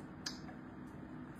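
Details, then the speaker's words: A single sharp click of a transcranial magnetic stimulation coil firing a pulse held over the arm, stimulating the arm nerves to make the hand move. "So, when I put the TMS magnet on my arm, it will and I pulse it, that magnetic field is going to make the nerve cells in my arm talk to each other and make my hand move like"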